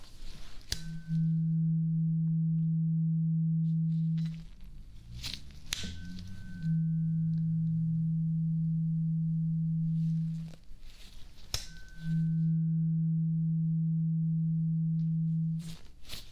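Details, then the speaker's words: Role-played ASMR ear exam after ear cleaning: a tuning fork is struck three times, each a steady low hum lasting a few seconds, while the listener keeps eyes closed and says which side they hear it; simulated tuning fork hearing test. "So I want you to close your eyes and tell me what side you hear the tuning fork, okay?"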